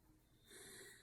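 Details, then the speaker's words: Adult on day 11 of cold-turkey crystal meth and amphetamine withdrawal, also in benzo withdrawal, recorded around 2:20 am after using THC: one breath turns hissy and faintly whistling partway through: wheezing. "You'll hear me wheezing. That's because I've been indulging in a little bit of THC to help me with this withdrawal, but I thought I'd doing alright actually."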